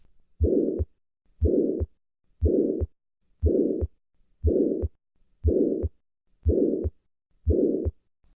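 Regular heartbeat at about 59 a minute, each beat carrying a loud harsh murmur filling systole between the heart sounds: a ventricular septal defect murmur at rest.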